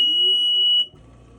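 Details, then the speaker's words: A single loud, shrill electronic beep lasting under a second, then quiet hum: the normal power-on beep of a 5-litre home oxygen concentrator, sounding every time it is switched on. "when it does turn on you will get that loud beep every time do not be alarmed by it"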